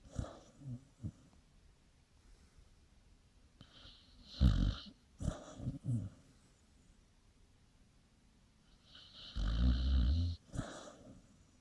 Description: Sweetest dog alive dreaming and snoring